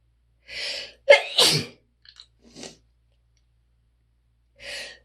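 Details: A super loud, big sneezing fit: quick run of sneezes, each with a sharp in-breath and explosive burst; repeated sneezing.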